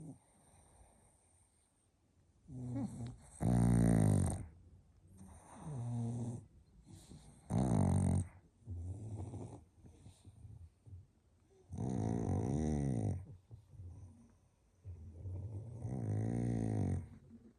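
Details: Sleeping pug snoring very loudly in an unusual sleeping position: deep rattling snores on both in- and out-breaths, about fifteen a minute. Snoring.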